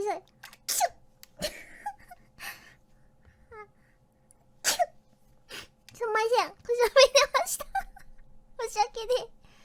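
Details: Compilation of female Hololive VTubers sneezing: several short, sharp sneeze bursts, some preceded by a quick intake of breath, followed by brief high-pitched vocal sounds; sneezing.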